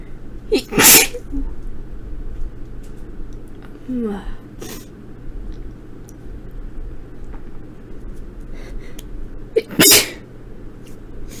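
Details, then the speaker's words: Two sharp, explosive induced sneezes about nine seconds apart, each with a brief breath-in, from someone sick for several days with a scratchy voice and sore throat, in a quiet room. "My nose has been tickly, but not enough to the point of like, I can actually sneeze from it, but I'm gonna go ahead and induce some now, so enjoy."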